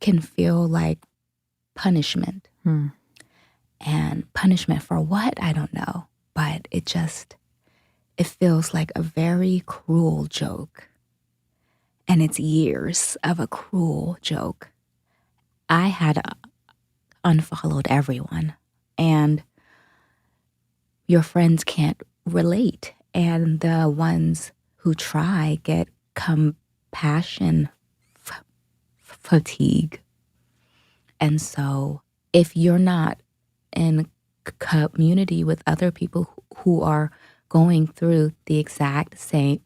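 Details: Adult woman, a dementia caregiver, who states she has a stutter; stuttering.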